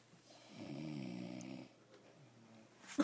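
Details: A single drawn-out, rough snore on one breath, then quiet, ordinary snoring, recorded during a paediatric infectious diseases class.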